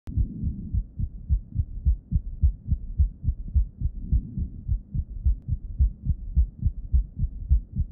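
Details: Patient with heart failure with reduced ejection fraction (HFrEF); stethoscope bell over the cardiac apex. Regular low heart sounds with a soft extra thud late in diastole, just before S1: S4 gallop, from atria contracting against a non-compliant left ventricle.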